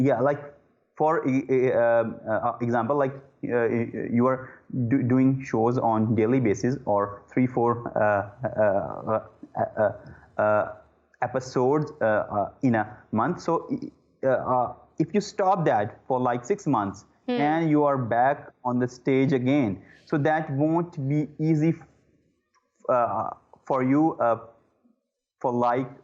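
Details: Adult male who stammers, with repeated 'uh' disfluencies: stuttering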